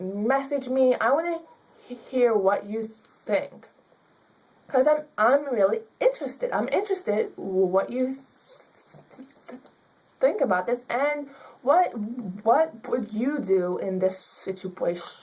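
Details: Young woman student with stuttering; she is given extra time in class because of it, and her public speaking teacher limited her grade to a C because of her stuttering.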